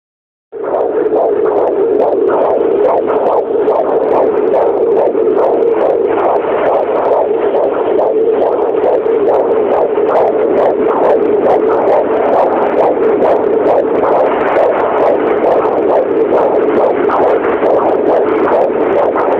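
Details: Fetal heartbeat on a handheld Doppler: rapid whooshing pulses around 136 beats a minute.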